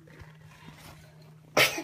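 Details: Baby wearing a hat sneezes: quiet room, then one short, sharp explosive burst of air near the end, a single sneeze.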